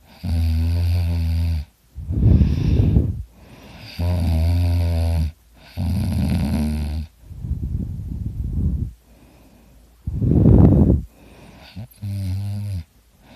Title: Me snoring ( I sound like a chainsaw!)